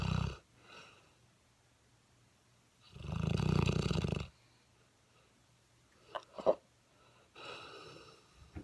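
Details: Seven-month-old mastiff puppy asleep, snoring with loud, low, rattling in-breath snores a few seconds apart and a short snort between; snoring.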